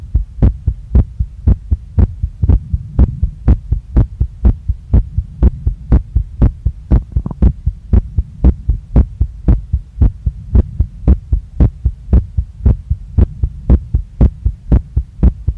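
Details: Adult female's heart recorded by hand right after a workout, pounding strongly in chest, neck, face and stomach and not calming down; strong, regular, deep thumping at about 118 per minute over a low hum: sinus tachycardia.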